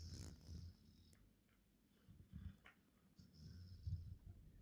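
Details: Max snoring at 2am during sleep: low rumbling snores in irregular bursts with quiet gaps between them.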